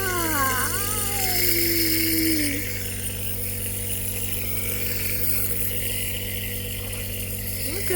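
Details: Toddler with croup and a terrible cough, first time on a compressor nebulizer: steady low mechanical hum with airy hiss, brief child's vocal sound early, child laughing and liking it; nebulizer running.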